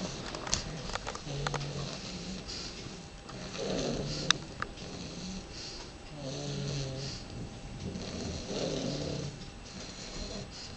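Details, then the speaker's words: Two baby English bulldog puppies snoring: repeated low, rattly snores with each breath, overlapping from both sleepers, in a small quiet room. "all that noise out of two little babies."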